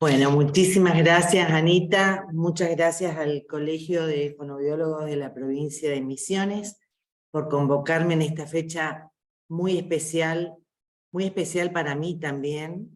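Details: Adult woman speaking Spanish; normal speech.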